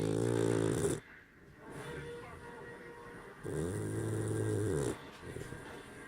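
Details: Sleeping puppy snoring loudly: low, buzzing bursts, two clear snores with quiet breathing between them.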